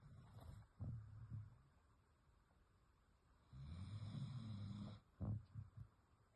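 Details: Dog snoring while asleep in a quiet room: low, rough snoring breaths and short snorts.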